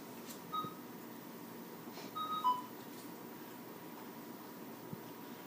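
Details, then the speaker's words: Short high chirping beeps in a quiet room: the alarm volume test tone, nicknamed a birdie chirp, during an anesthesia machine check. "okay this is your alarm volume I call it a bir birdie chirp"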